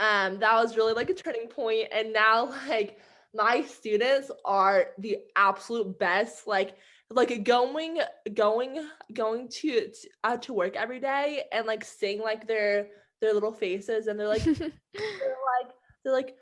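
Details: Adult woman who stutters, with sound and word repetitions; stuttering.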